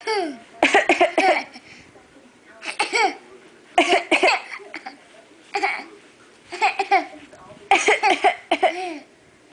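Repeated short voiced coughs in about six clusters, deliberately faked rather than a true cough reflex.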